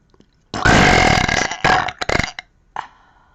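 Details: A girl burping: one long, loud, rumbling burp followed by a few shorter bursts of belching.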